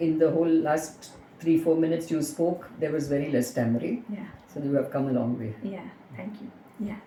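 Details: Adult speaker; no speech disorder.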